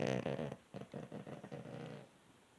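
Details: Pug dog snoring, sounding like a man; a loud throaty snort followed by quick fluttering, rattling breaths, suggesting a vibrating soft palate.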